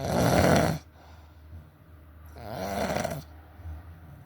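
Two loud, harsh, vibrating breaths separated by quiet pauses: snoring.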